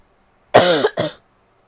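Two quick voiced cough bursts in close succession, with silence before and after.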